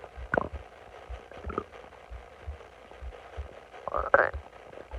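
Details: Faint gurgles and low rumbles over quiet room noise: ordinary stomach growling recorded while bloated, lying on the stomach.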